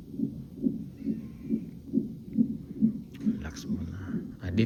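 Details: Fetal monitor in a hospital before the mother's planned surgical (cesarean) delivery: rapid, regular whooshing pulses at about 136 per minute, with brief background voices; normal fetal heart rate on monitor.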